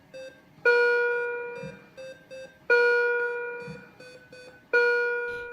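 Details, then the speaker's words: Neonatal intensive care unit bedside monitor alarm, monitoring baby's heart rate, breathing and oxygen saturation: repeating tonal chimes with short beeps between; most alarms are not serious. "the alarms or seeing red lights flashing can be frightening most of the alarms are not serious"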